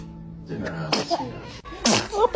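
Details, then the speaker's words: Newborn baby sneezing: two sharp, sudden bursts of air, each preceded by a brief catch, with adult voices saying "bless you" in the background. "Baby is a dramatic sneezer check."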